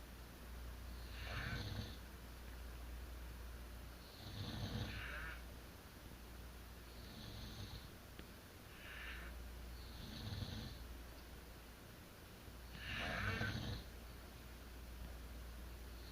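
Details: Adult couple (parents) sleeping together, both heavy snorers: slow, rhythmic snoring, five rough inspiratory snores over sixteen seconds, about 19 breaths a minute, in a quiet room. Snoring.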